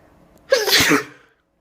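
A single sharp, explosive sneeze after a brief quiet lead-in: a sudden burst of air through the nose and mouth.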